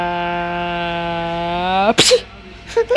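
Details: Adult mother sneezing while her baby laughs: a sustained sung-like vowel breaks into one sharp, explosive sneeze burst, followed by a brief voiced sound.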